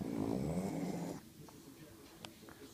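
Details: 13-year-old pug asleep: a single low, rattling snore lasting about a second, followed by quiet breathing.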